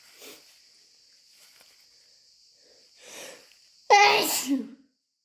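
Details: Faint breathy lead-in, then one loud, explosive, wet sneeze over a steady hiss; sneezing.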